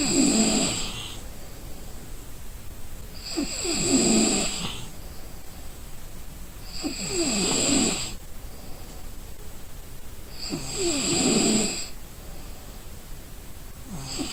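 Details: Exhausted person snoring in sleep: loud, rattling snores on each in-breath, about 16 a minute, with quiet out-breaths between.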